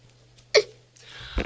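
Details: Adult woman with Tourette syndrome, hiccuping-like noises among her vocal tics; vocal tic (hiccup-like).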